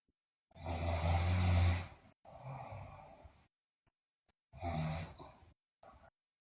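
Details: Sleeping girl snoring loudly, also with bruxism and delirious sounds: loud, low, rattling snores on each breath in, quieter noisy breaths out, brief silent pauses between cycles.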